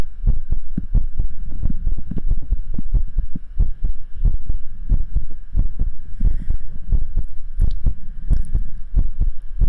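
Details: Normal heartbeat picked up by a microphone during a livestream: loud, steady low thumps over constant electrical hum, described as beating hard, pumping twice normally then twice very hard.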